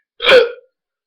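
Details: Very loud hiccups, occurring on their own despite eating peanut butter. A single loud, abrupt voiced hiccup, a sudden gulping sound that cuts off sharply.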